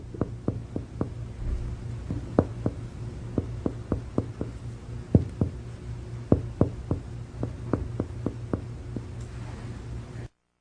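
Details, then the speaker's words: Percussion of the right anterior chest in a healthy supine patient: sharp finger taps moving downward, resonant over lung turning dull over liver, marking the level of the right diaphragm. "If you want to check the level of the right diaphragm anteriorly, percuss from resonant lung downward to liver dullness."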